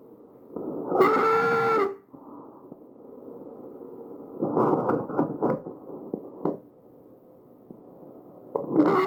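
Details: Tracheal stridor: harsh, loud, musical breathing sounds from a narrowed central airway.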